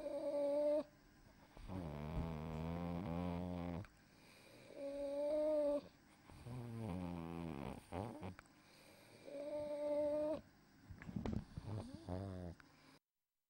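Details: 9-year-old female Pug, 7.46 kg, with acutely worsened stridor, severe laryngeal collapse and epiglottitis: high-pitched stridor with mouth open, low rough snoring-like expiratory sound with mouth closed; expiratory stertor from pharyngeal collapse on expiration.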